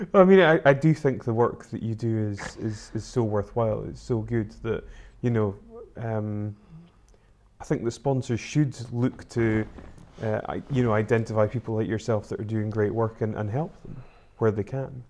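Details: Adult man speaking; normal speech.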